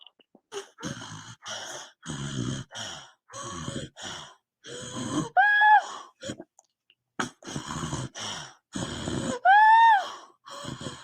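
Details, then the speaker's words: Post-ictal laboured breathing in a daughter turned onto her side after a seizure: irregular, effortful breaths with groaning, gasping and high-pitched whooping intakes as breathing stays difficult after the seizure ends. "she's been doing this thing where her seizure is either over or mostly over and yet she still has trouble breathing for a while afterwards"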